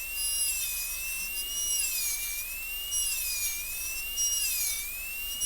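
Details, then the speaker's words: High-speed dental handpiece recutting the box corner axially and facially down to the gingival floor of an MOD gold onlay preparation on a soft Kilgore practice tooth in a class demonstration, steady whine dipping in pitch under bur load. "Now recut this whole corner the berlining axially and facially axially and facially all the way down to the ginger floor."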